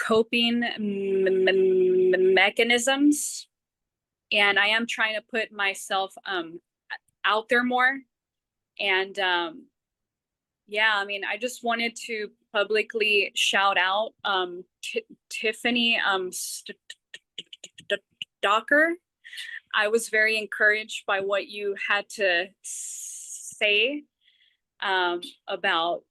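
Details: Adult person who stutters, taking part in a stuttering support group meeting, with repetitions and filled pauses; stuttering.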